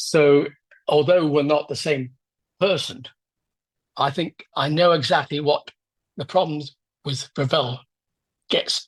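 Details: Adult man with aphasia after a left-hemisphere stroke 10 years ago, with word-finding problems and difficulty getting his mouth and tongue to work: aphasia.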